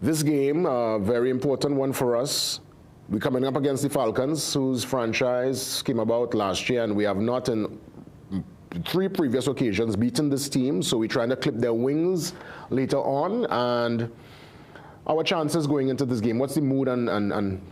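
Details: Adult man speaking; normal voice.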